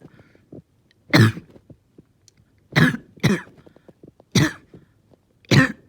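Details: Five harsh coughs in quick succession over six seconds with short pauses between, in a bad, painful, long-lasting coughing fit.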